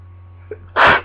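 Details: A faint inward breath, then one loud, forceful sneeze over a steady low electrical hum, during a lingering cold; sneezing.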